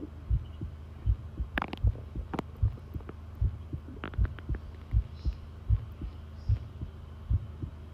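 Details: Heartbeat from a long recording made while listening to the pounding heart: steady, regular low thumps at about 75 per minute with a steady hum and faint rustles.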